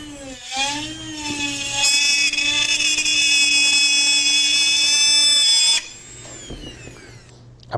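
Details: Percutaneous foot surgery, first ray: high-pitched whine of a high-speed burr rising and steadying for several seconds, then dropping away, as bone is cut for a chevron osteotomy.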